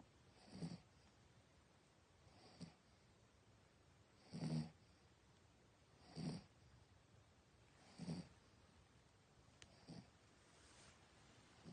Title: OH MY SO LOUD #short #dog #doglover #cute #cutedog #snoring #loud #night